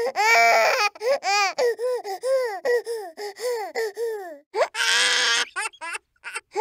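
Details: A baby boy nearly 9 months old crying: rhythmic, high-pitched wailing in repeated short bursts, with catching breaths between them.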